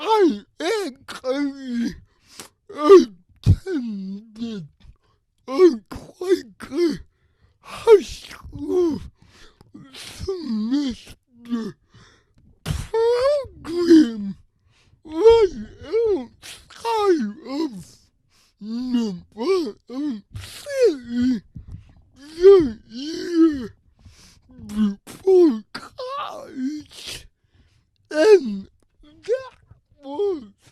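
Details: Adult man with cerebral palsy who reports a speech disability; his speech is revoiced by another speaker; dysarthria (cerebral palsy).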